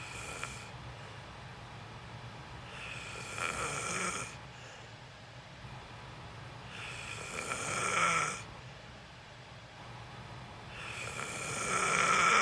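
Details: Person recorded actually sleeping during a sleep stream: loud, rough snores on each breath, about 14 breaths a minute, with quiet gaps; loud snoring.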